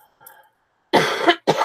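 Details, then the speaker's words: A faint sound, then a loud, harsh cough and a second, shorter cough from a person with a cold and runny nose who has been coughing a lot. "all right well I am coughing my face off so I'm gonna go ahead and and shut her down"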